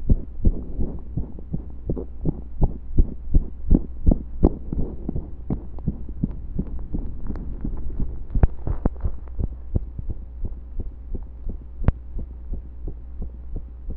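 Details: Heartbeat recorded during pressure and breath holds: repeated low thumps over a steady hum, with the rhythm briefly breaking at points; occasional skipped beats.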